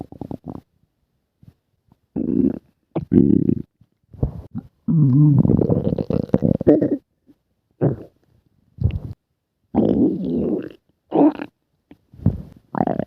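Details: Repeated low gurgling and rumbling bursts, some drawn out over a few seconds; ordinary stomach growling (borborygmi).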